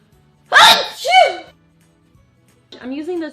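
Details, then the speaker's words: Loud, voiced sneeze with a sharp inhale, then a brief spoken remark over faint background music; sneeze. "I knew I was gonna sneeze. I'm gonna sneeze because of the sun. My allergies are so bad recently too."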